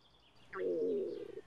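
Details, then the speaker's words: A drawn-out, low gurgling rumble lasting under a second, from a woman who had just eaten, caught live on a stream; bird chirps are added park ambience: stomach growling. "that's my stomach I hope you didn't hear that no I gotta stand up now I just ate though why laughs"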